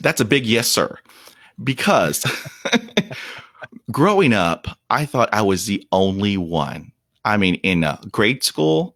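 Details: Stuttering in an adult man whose speech fell to 0% fluency from shock/trauma after a dog attack at age five; he reports blocks during which he turns red and stops breathing; real, unedited speech.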